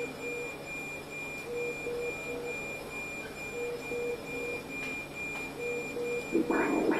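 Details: Infant middle cerebral artery Doppler with colour Doppler, probe placed over the transtemporal window: rhythmic whooshing flow pulses about 158 a minute over machine hum. Resistive index calculated, apparently about 0.825.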